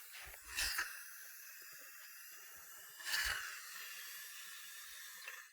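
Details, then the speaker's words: Two bursts of hissing spray against quiet room noise as a dental air-water syringe rinses the teeth after micro-etching, during Lumineers veneer preparation on a young woman. "and you want to remove that glazed surface [Laughter] and we'll wash that off"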